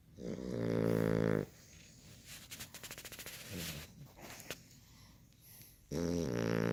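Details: Puppy snoring: a loud, deep buzzing snore, then a quieter stretch of snuffling breaths, then another loud snore.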